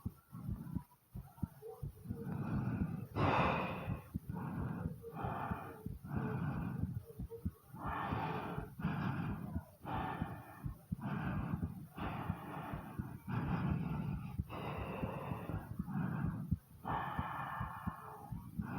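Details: Close-up recording of a person's own chest: slow, deep breaths with loud, noisy airflow over a low background rumble. The heartbeat and stomach sounds are also audible; deep breathing.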